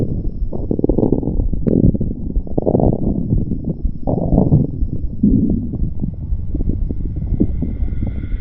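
Continuous low gurgling and rumbling with bubbly surges, typical stomach growling.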